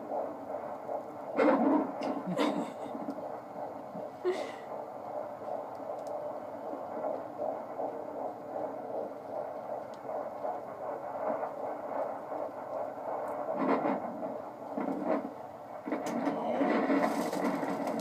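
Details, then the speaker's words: Fetal heartbeat on Doppler at 16 weeks of pregnancy: fast, regular, even whooshing rhythm, probably in the 150s–160s bpm (normal 120–160), with static bursts from an active, kicking baby; normal fetal heartbeat. "The baby's heartbeat's nice and regular and even. It's perfect rhythm. And normal heartbeat's 120 to 160."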